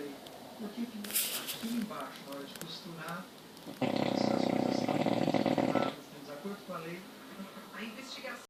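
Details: 7-month-old English bulldog puppy asleep: snorting, rattling breaths with one long, harsh, noisy stretch, typical flat-faced dog snoring.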